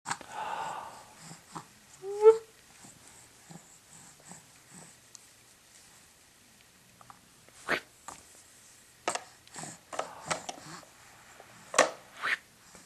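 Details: Infant gives a few short, sharp sneezes after soft fussing sounds while playing at home, a normal way of clearing the nose.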